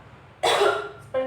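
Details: Demonstrated effective-cough procedure in a simulated OSCE exam for a 30-year-old man with breathlessness and hard-to-clear sputum for one day: deep breath, pause, then a single forceful cough and a short voiced sound; voluntary cough.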